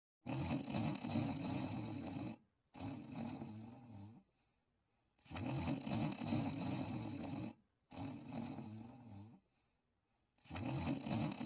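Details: Person snoring while asleep and dreaming: deep rumbling snores in long repeated cycles, each followed by a quieter outward breath and brief pause.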